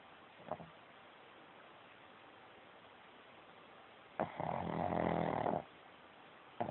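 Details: Pug snoring, recorded on an Android phone: one long, harsh, rumbling snore after a faint snort, with quiet room noise between breaths.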